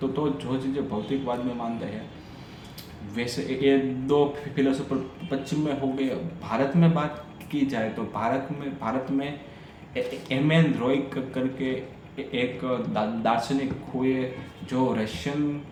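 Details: Adult man with a stammer doing story-telling practice in Hindi on day 6 of a daily stammering practice routine; phrase repetitions are heard; stuttering.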